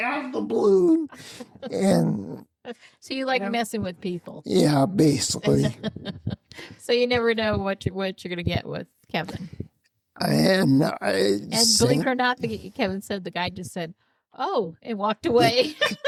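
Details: Adults in conversation; typical speech.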